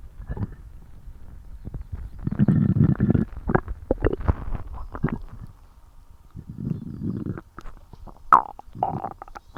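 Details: Loud low gurgling and rumbling in bursts with squeaky gassy notes near the end, after eating for the first time in a while; borborygmi.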